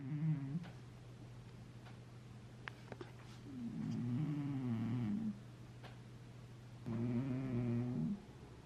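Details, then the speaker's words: A sleeping cat snoring in a quiet room: three drawn-out, rough, rumbling breaths, each lasting one to two seconds. "je sais pas si vous entendez ce bruit des pelleteuses depuis tout à l'heure il ronfle"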